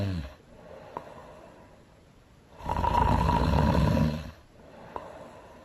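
A deep, rumbling snore with soft breaths between, taken from an animated film.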